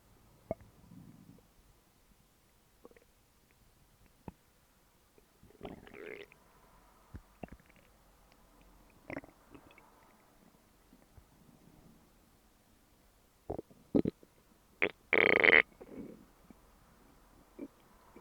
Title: Stomach growls